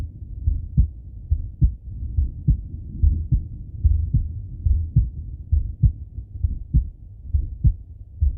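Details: Male heartbeat and breathing auscultated through stethoscope: steady muffled lub-dub at about 70 beats a minute with soft breath noise behind; normal heart sounds.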